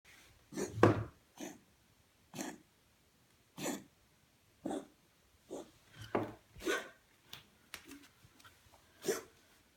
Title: My Cat's Coughing: For Vet.